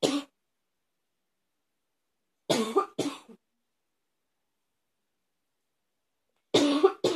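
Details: About five harsh, short coughs in clusters separated by silence from an adult, hoarse and barking in quality: a barking cough.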